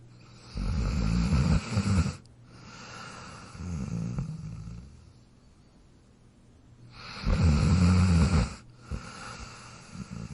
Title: Dog Snoring Sound Effect